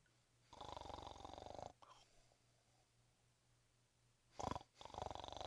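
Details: Snoring from a sleeping dog: coarse fluttering snores, each lasting about a second, separated by quiet pauses.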